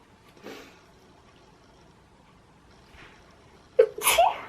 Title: Sneezing compilation | Sneeze Tube